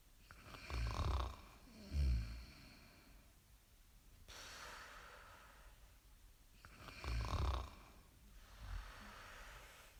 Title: SNORING SOUND EFFECT